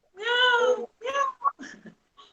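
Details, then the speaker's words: Short, high-pitched, mewing cries resembling a cat's meow, played in a biology lesson as the characteristic infant cry of cri-du-chat syndrome, described as a baby that meows instead of crying. "E quando ela é bebezinha, ao invés de chorar, ela mia."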